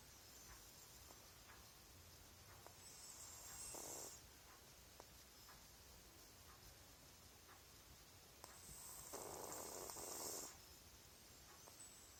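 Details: Cat snoring: quiet, breathy snoring, two long noisy breaths about six seconds apart over a steady room hiss.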